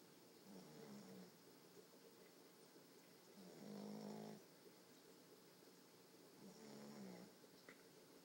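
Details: Puppy snoring: quiet, buzzing snores about every 3 seconds under a steady background hiss.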